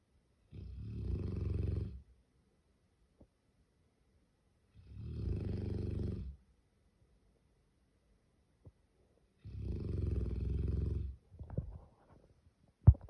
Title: He snore like Human😂 #bigdog #dog #doglover #canecorso #funny #funnyvideo #funnyshorts #trending